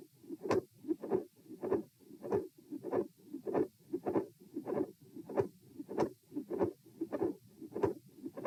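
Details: Regular heartbeat near 98 a minute at auscultation position E, with a midsystolic click, soft midsystolic murmur and split S2.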